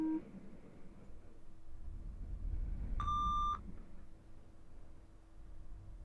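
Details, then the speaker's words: Simulated ASMR ear-examination roleplay, one-ear pure-tone hearing test through headphones: a single steady, clear beep over quiet room noise. "So now you will hear them in one ear only. Let me know which ear you hear them in and when you hear them in."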